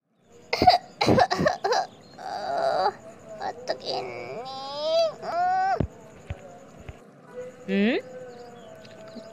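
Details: Acted, simulated cough in a comedy skit: a burst of about four short dry coughs, then brief strained vocal sounds with rising pitch.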